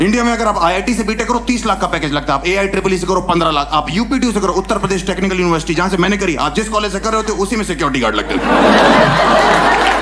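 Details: Adult male comedian on stage; Normal fluent speech.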